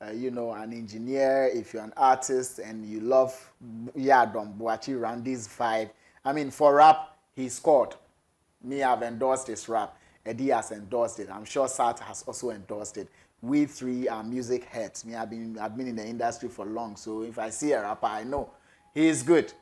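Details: Adult man speaking; normal fluent speech.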